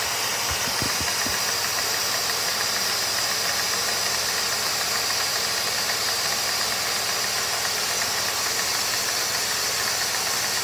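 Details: Dental suction unit (Micro-Smart, latest firmware 20180223) in a test rig, with a ball valve standing in for a spittoon valve: loud, steady rushing hiss of air and water pulled at a fairly constant flow.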